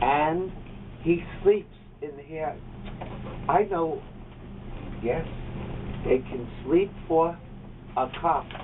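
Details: Patient with fluent aphasia in outpatient speech-language therapy, speaking in conversation.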